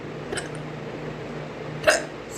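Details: Woman's hiccups at 6 am while about to brush her teeth: two short, abrupt gulping sounds about 1.5 seconds apart, the second louder, over a low room hum.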